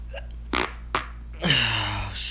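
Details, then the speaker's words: Person sneezing: a couple of short catching breaths, then one forceful, noisy sneeze that trails off. "sort of a sneeze accorded sorry excuse me"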